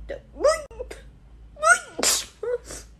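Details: Young Asian woman sneezing: two sharp sneezes, each with a rising voiced lead-in and burst of air, brief vocal sounds between; sneezing.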